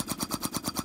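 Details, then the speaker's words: Neonatal transport setup with a TXP-2D high-frequency ventilator on a Voyager transport incubator: rapid, even pulsing hum of the ventilator oscillating on a test lung at about 500 cycles per minute. "now we're going to point our knob towards high frequency as soon as report the gas source towards high frequency the action starts"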